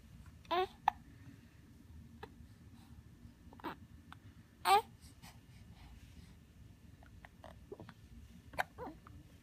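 Two clear sudden voiced gulps with a few fainter catches over quiet room noise, fitting hiccups.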